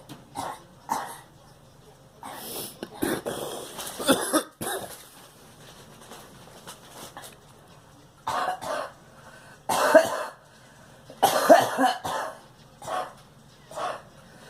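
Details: Girl coughing: repeated harsh bursts and short clusters, about ten coughs in fifteen seconds with pauses between. Recurrent cough.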